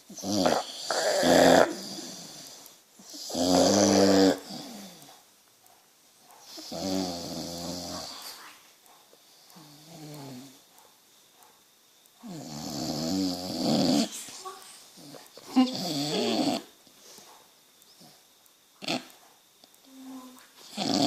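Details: Boxer dog snoring while asleep, loud rattling snores in irregular bursts separated by quiet pauses; owner wonders if it is sleep apnea.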